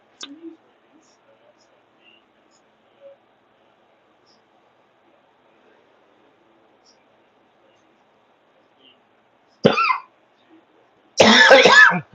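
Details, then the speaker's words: Two short, harsh coughs from an adult who says he is still sick, near the end of an otherwise quiet stretch during a live news broadcast. "sorry guys I'm still sick I'm working but I'm sick so you'll hear me cough all the"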